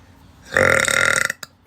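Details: Adult woman belching repeatedly in a compilation, attributed to acid reflux and possibly carbonated drinks such as Coke; one long, loud, rumbling belch; eructation.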